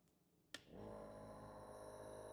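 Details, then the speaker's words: Compressor nebulizer, first use after unboxing: a click as the green button is pressed, then a steady buzzing motor hum as it starts dispensing medication. "And we ensure that to start using we turn on the nebulizer by pressing the green button at the back of the panda."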